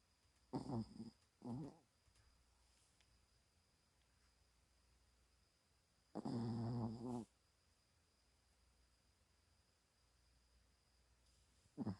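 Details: Dog that snores heavily every time it sleeps: rough, rattling snorts in irregular bursts with quiet gaps between, against a steady faint hum; heavy snoring during sleep.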